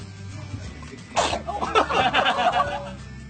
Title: CUTE BABIES Sneezing